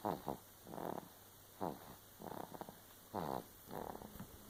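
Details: Ordinary snoring: rhythmic soft snuffling snores, with paired short breaths repeating about every second and a half.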